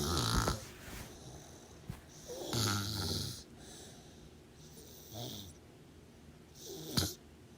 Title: Snoring sounds over 25 minutes! Enjoy